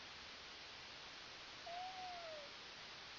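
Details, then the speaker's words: Stethoscope auscultation of the abdomen during a nurse's physical assessment: steady hiss with a brief high-pitched gurgling squeak from the upper abdomen; normal active bowel sounds, present in all four quadrants. "bowel sounds are active and all four quadrants"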